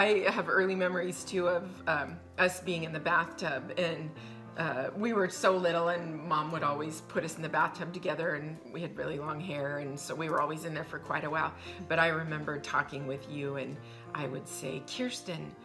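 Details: Adult woman; typical speech.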